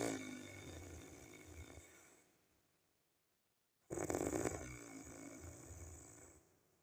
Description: This is the real and original snoring sound of mine 😴